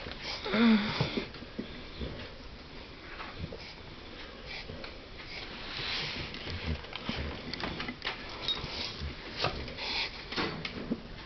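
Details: Dog having a reverse sneezing episode: repeated sharp snorting sniffs as it pulls air in.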